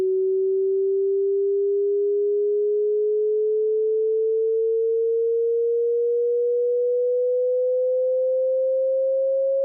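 A steady pure tone slowly rising in pitch, pulsing gently, used to test hearing or match the pitch of ringing in the ears.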